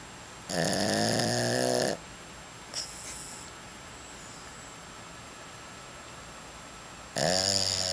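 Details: Heavy snoring from a man: loud, rattling snores about five seconds apart, each lasting over a second, with quiet breathing and steady room hum between.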